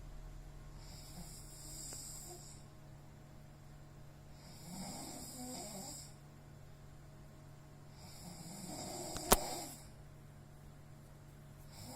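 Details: Heavy snoring during sleep when exhausted: loud, rough snores about every 3.5 seconds, roughly 17 breaths a minute, with a sharp click near the end.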